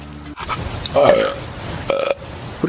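A drawn-out, voiced belch replayed from a film or TV scene, with music and talk in the background.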